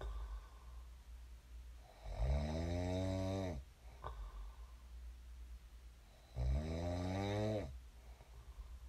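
Two loud, low, rumbling snores on inhalation with quiet breathing between, at about 14 breaths a minute; ordinary sleep snoring.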